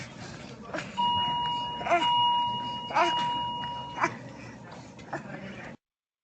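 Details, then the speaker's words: Little baby girl in respiratory distress with obvious expiratory grunting, not stridor: short voiced grunts at the end of each breath, about one a second, over a steady electronic tone. "So grunting is the baby's way of sort of creating an internal peep in the in the chest cavity. Essentially, the baby is trying to blow air against a closed vocal cords, and so that trying to exhale while the vocal cords are closed creates a pressure inside the chest cavity and inside the lungs, and so they're trying to"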